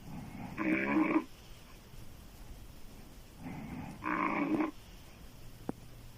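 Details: Loud, deep, rattling open-mouth snoring from a female sleeper, two snores separated by quieter breathing.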